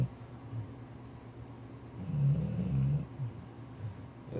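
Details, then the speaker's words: Dog asleep in bed snoring loudly: low, rumbling, fluttering breath sound swelling over about a second against quiet room noise. "what we deal with. This dude be snoring really hard."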